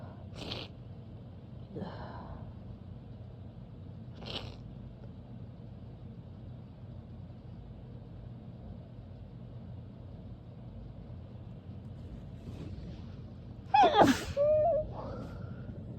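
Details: Woman's mostly stifled sneezes: several faint, suppressed sneezes in a quiet room, then one louder, fuller sneeze near the end.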